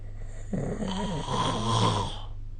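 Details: Snoring recorded during sleep with a snoring-recording phone app; one loud, long vibrating snore rising then cutting off.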